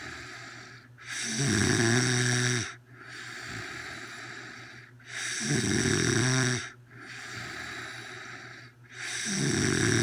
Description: My GF had chicken for dinner. She ate lot of chicken and snoring like a demon.